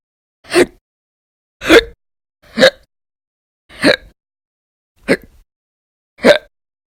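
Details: Episodes of prolonged hiccups lasting many hours a day over consecutive days, described as violent and loud: six sharp, abrupt gulping bursts about a second apart, roughly 50 a minute, in a quiet room; hiccups.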